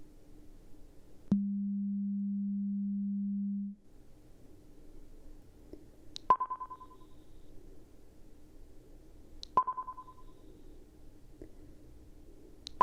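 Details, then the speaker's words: Role-played ASMR pure-tone hearing beep test through headphones, identifying which ear hears the sound: steady low tone about two seconds, then short faint beeps over a quiet hum. "So, this beep test, there's two different types. So, we have a um every time you hear it, you'll raise your hand."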